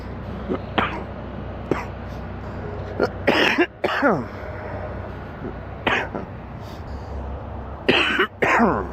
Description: a man is sick with an extremely stuffy nose and an absolutely horrible cough